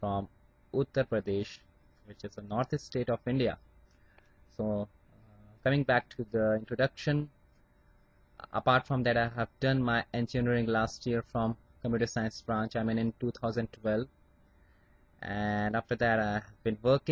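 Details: Adult Indian man who stammers, finding certain words tough, speaking with acceptance of his stammer; stuttering.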